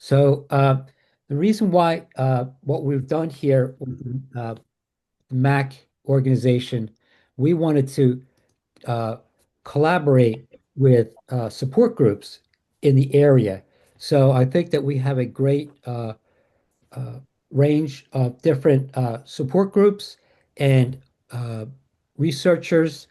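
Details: Adult woman with aphasia after a stroke caused by moyamoya disease at age 37; the stroke happened while she was asleep, her left side was affected first, and aphasia began December 2022.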